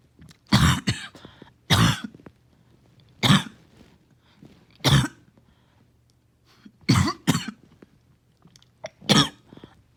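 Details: Coughing fit with repeated deep, forceful coughs in close succession, about seven bursts; back-to-back coughing fits this morning have left the person winded.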